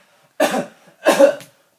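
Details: Two short, loud acted coughs from an adult, each a sharp burst fading over a fraction of a second, in a mock commercial: cough.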